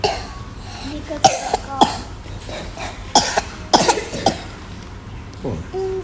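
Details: About five short, dry acted coughs in a small room, with some talk around them; a staged clinic visit where a father brings his child in for a cough.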